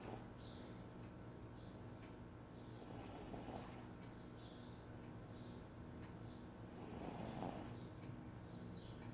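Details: Dog snoring, louder than the owner's husband.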